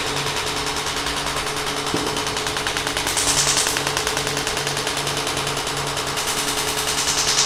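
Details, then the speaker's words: Shockwave therapy applicator applied to an adult's back; the subject reports feeling almost nothing. Rapid, steady clicking pulses at about 200 a minute over a low hum as the device fires. "and now we are going to do the shock wave I'm actually feeling almost nothing"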